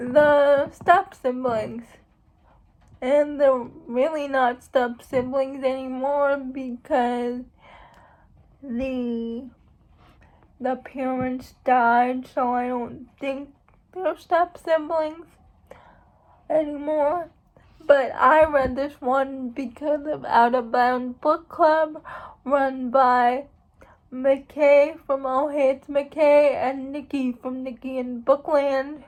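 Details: Speech of an adult woman who states she has cerebral palsy; dysarthria (cerebral palsy).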